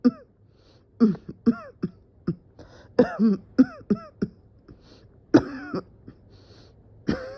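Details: Prolonged coughing fit with dizziness, person felt close to passing out; repeated short, irregular coughs and throat-clearing, some with a strained voiced edge.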